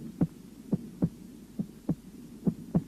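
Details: Heart auscultation over the aorta and pulmonary artery, following the apex: normal heart sounds.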